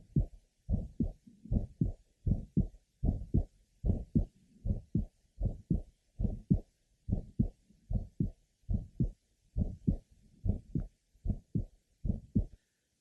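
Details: 15-year-old asymptomatic girl with a congenital bicuspid aortic valve, third left sternal border: early systolic ejection sound with a grade 3, somewhat musical aortic systolic murmur, also heard at the lower left sternal border and apex.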